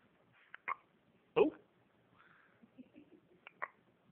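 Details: Baby at crawling age with soft, short, sudden catches in the breath at irregular intervals in a quiet room; infant hiccups.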